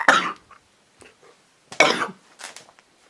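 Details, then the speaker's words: Coughing from a cold with chest trouble, vlogger feeling unwell for several days: two harsh cough bursts, each followed by short catching breaths and small throat noises, in a quiet room. "sorry guys I need to do it again oh sorry about that"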